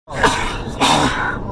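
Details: Adult male Uber passenger sneezing repeatedly, 21 times in total, inside a car: two sudden, forceful bursts of air through nose and mouth in quick succession.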